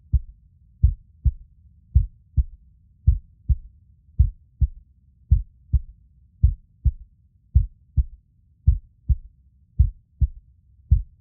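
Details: Steady, deep lub-dub heartbeat at about 54 beats a minute with an even rhythm, used as a relaxation and sleep sound; normal heartbeat.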